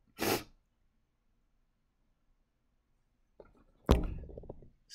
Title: Can I sneeze for you today? sneezing fits (m)